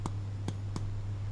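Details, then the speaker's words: Chest percussion in a simulated respiratory OSCE exam, tapping over the supraclavicular and infraclavicular areas with a hand on the chest: a normal resonant percussion note, neither dull nor hyperresonant. "So I'll be listening for um resonance supravicular and infraovvicular. Um so if I was to hear dull sounds could indicate um an increase in tissue density"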